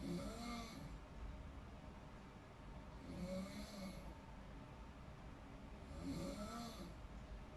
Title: Snoring sounds while in deep sleeping (relate ka ba panuorin at pakinggan mo)